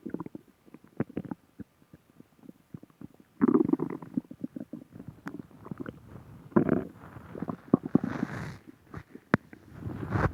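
Bursts of gurgling, bubbling and popping gut sounds with brief rumbles, typical of ordinary stomach growling.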